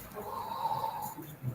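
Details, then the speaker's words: Normal vesicular breath sounds over the chest, attributed to alveoli opening, demonstrated in a cardiopulmonary physical exam class: soft, steady rustling airflow. "un sonido esto es un ruido normales murmullo vesicular que es un río de despegamiento despegamiento de los alveolos"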